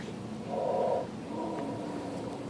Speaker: You can turn the volume up by pressing this button over here. And as you can hear, the mannequin is now simulating breathing.